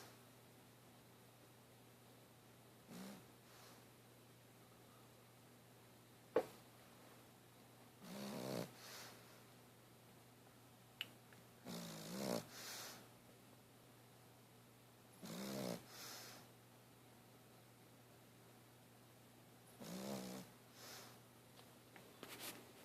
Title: mugsy snoring lol